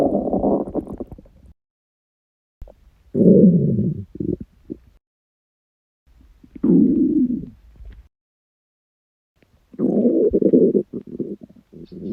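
Several low gurgling, rumbling bursts with quiet gaps between them: stomach rumbling (borborygmi) during fasting, a normal gut sound.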